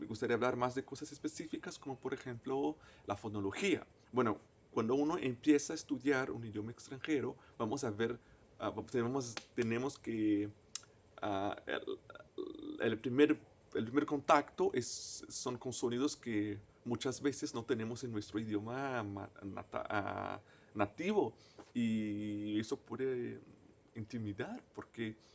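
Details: Stuttering in a man, a native Portuguese speaker, speaking Spanish as a foreign language.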